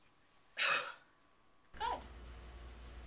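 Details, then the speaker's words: Supraglottic swallow technique demonstrated in a vocal fold paralysis therapy scene: breath-hold, swallow, then two short, forceful voluntary coughs to clear the throat before breathing resumes. "I'd like to try a swallowing technique hold your breath and then swallow and then I would like you to cough right before breathing again"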